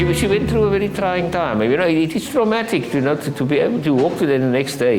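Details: Adult speaker; normal speech.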